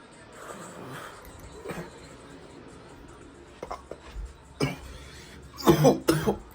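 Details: Coughing fit in an adult smoking: after a quiet stretch, a short run of about four harsh, forceful coughs.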